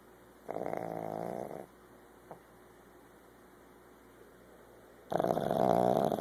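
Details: A female pug, almost one year old, snoring; the owner says she snores all the time, loud enough to disrupt phone calls, and does not need surgery.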